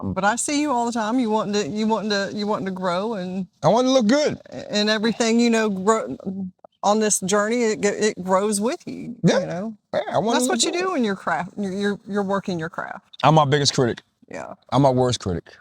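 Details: Adult speakers in conversation; no disorder.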